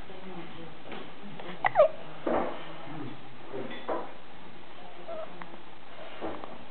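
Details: Infant hiccups: a few short, abrupt catching sounds spaced apart in a quiet room, with soft baby noises between them.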